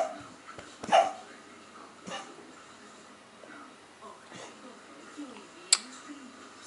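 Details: Cocker spaniel puppy coughing: a few short, harsh coughing bursts with quiet pauses between them.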